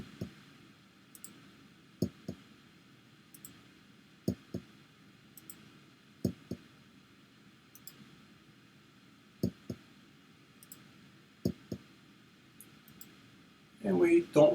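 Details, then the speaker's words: Percussion of the posterior chest, clockwise through all lung fields, in a comprehensive assessment: paired hollow taps, resonant throughout with no dullness or tympany; resonant percussion note. "to hear any dullness or timpani and as we hear these are all resonants in all fields"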